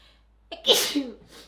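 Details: Someone sneezes once while reading aloud in Japanese: a quick catch of breath, then a sharp, hissing burst trailing off in voice.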